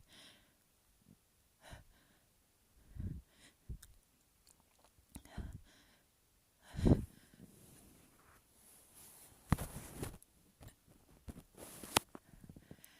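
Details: Induced sneeze with runny nose: soft snuffling breaths, then one loud forceful burst, followed by wet sniffing and rustling; a big snotty sneeze with nasal congestion.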